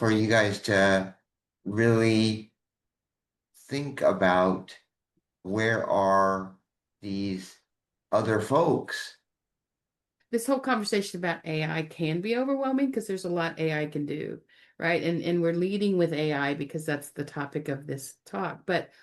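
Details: Aphasia in a man, caused by a stroke 21 years ago; initially could not speak, then spoke one word for a year, gradually improving, with some ongoing speaking difficulties.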